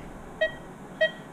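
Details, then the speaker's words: Masimo MightySat pulse oximeter, reviewed for veterinary anaesthesia use: two short clear tones about 0.6 seconds apart, near 100 a minute, beeping with each detected pulse; alarm sounds can be switched on or off. "can turn on and off the sounds of the alarms um you can set the alarms"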